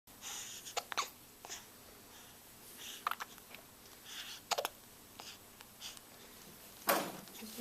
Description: Give in to the hiccups!